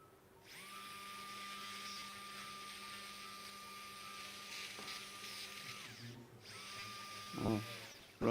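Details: Steady high-pitched whine of a high-speed surgical drill running in bursts with operating room background noise, during unilateral biportal endoscopic spine surgery.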